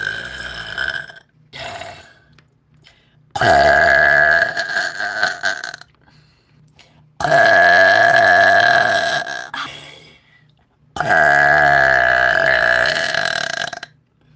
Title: Burp Compilation from LIVE #burping